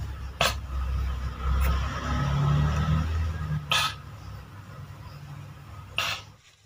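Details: Cat with severe cough and breathlessness like asthma: three short, harsh expulsive bursts a few seconds apart over low background rumble; cat cough.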